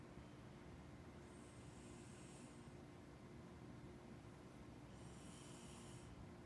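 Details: Cat asleep, snoring lightly: two soft hissing, whistling breaths over a steady background hum.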